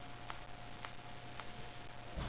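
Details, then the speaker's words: Person with snapping joints, doctors baffled: soft sharp clicks repeating about every half second with movement, ongoing without stopping; joint cracking (crepitus), also reported in other arm, spine, neck and hips. "see nice cracking and it doesn't stop it goes it just goes on"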